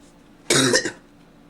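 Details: Person gives a really bad cough.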